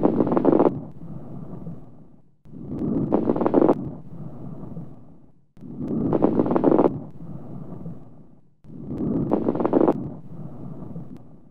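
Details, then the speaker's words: Coarse rales: four breaths with loud, low, bubbling crackles in each breath, mostly in the first louder phase; they may occur in inspiration or expiration, more commonly at the end of inspiration. "These coarse rals may be heard during inspiration or expiration, and more commonly at the end of inspiration."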